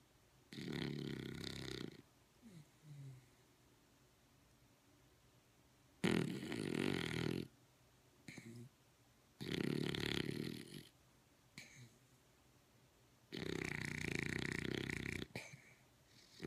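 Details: Loud rattling snores, about four breaths with pauses between, from a dog in very deep sleep in a quiet room; owner suspects REM sleep or sleep apnea.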